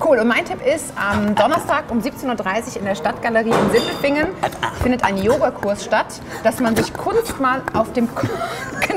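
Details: Adult woman, host; Normal speech.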